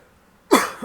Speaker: That's not a cough. That's actually me clearing my throat. But it sounds like a cough and a sneeze together.